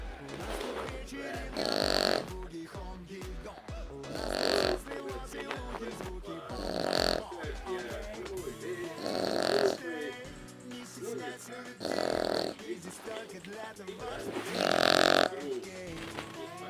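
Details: French bulldog in deep sleep: loud, regular snorting snores about every two and a half seconds over background music; snoring in a flat-faced dog.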